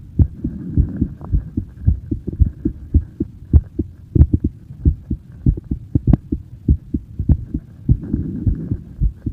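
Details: Steady low thumps of a child's heartbeat recorded in person, about 100 beats a minute, with a faint background hum: normal heart sounds.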